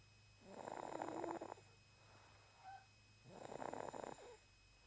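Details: Snoring in sleep: two rattling snores on the in-breath about three seconds apart, with quiet pauses between them; a cat snoring.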